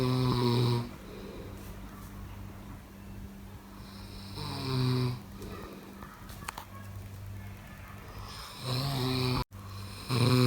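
Loud, low, rumbling snores recur every few seconds with quieter breathing between, over faint background noise; typical snoring.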